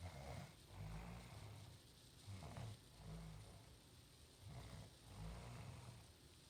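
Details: Snoring loud at 2 o'clock in the afternoon while she is still asleep: low, rumbling snores repeating about every two seconds over steady background noise.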